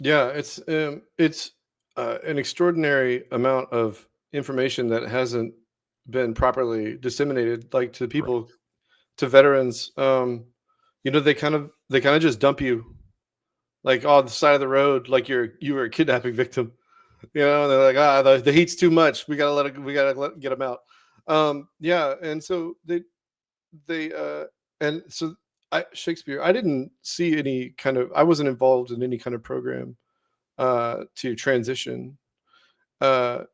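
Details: Vocal tic in an adult man, a Navy veteran with Tourette syndrome that began during service, with involuntary vocal and motor tics and a recurring involuntary word linked to OCD.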